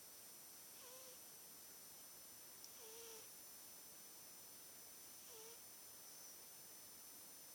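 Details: Soft whistling snore repeating every two to three seconds with breathing over a steady background hiss, from a resting British Shorthair cat; snoring.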